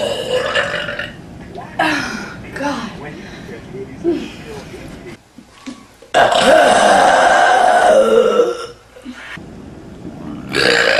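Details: Burping compilation: several loud, drawn-out burps with short pauses between them.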